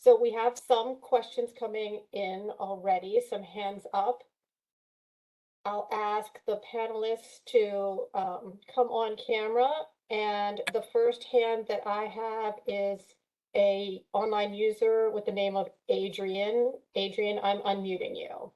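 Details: Adult female speaker; Normal voice.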